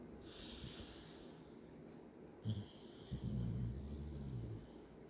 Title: Chip snoring(1)